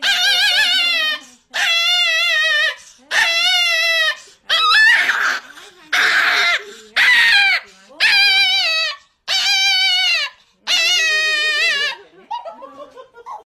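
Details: Puppy crying during vaccination: loud, high-pitched, drawn-out yelps and whines repeated in rapid bursts, a distress cry.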